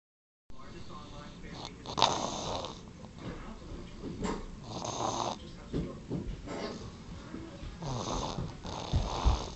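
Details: Baby boy snoring loudly: irregular snorting, snuffly breaths with some rattling, noisy and uneven infant snoring.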